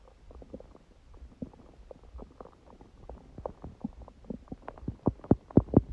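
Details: Stomach growling recorded at 1:30 am after waking, six hours after eating too much udon at 19:30, the first gluten in a while: irregular gurgles and bubbling pops growing louder toward the end; ordinary borborygmi.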